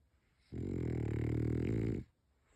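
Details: Sleeping French Bulldog snoring: a single long, low, rattling breath lasting about a second and a half in a quiet room.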